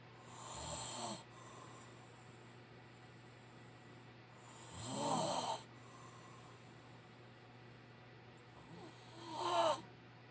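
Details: A father snoring loudly in sleep: loud, rough snores on each in-breath, about three in ten seconds, with quiet pauses between over a steady room hum.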